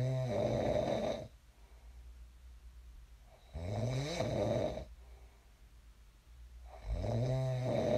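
Loud rattling snores on each inhalation, about 17 breaths a minute, with quiet pauses between them; steady snoring during sleep.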